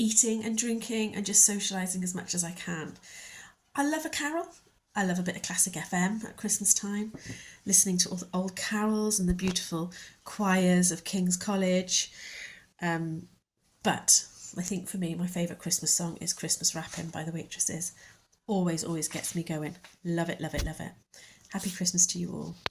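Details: Adult woman; Normal speech.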